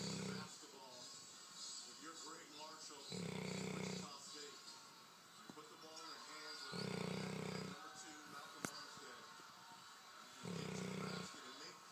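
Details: Snoring during sleep: loud, low rumbling snores about every three to four seconds, with quieter breathing and faint background sounds between them.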